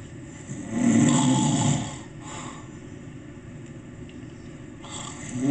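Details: Sleeping grandpa at a cabin giving one low, rough snore on a breath, then quieter breathing against steady room noise; snoring.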